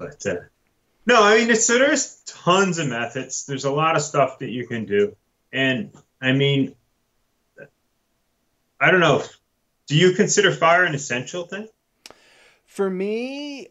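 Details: Adult male speaker; normal speech.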